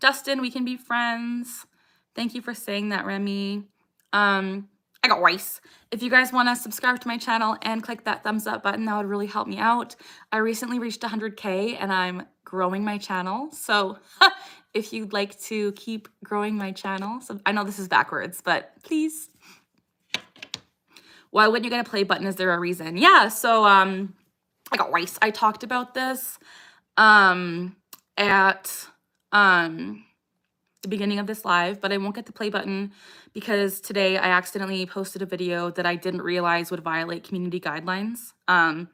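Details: Woman with Tourette syndrome; vocal tic phrase 'I got rice' interrupts her speech during a livestream; vocal tics (Tourette syndrome).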